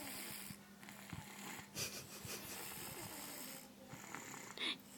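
Faint snorting breaths and a wheezy, whistling edge can be heard over a hissy background. This is soft snoring.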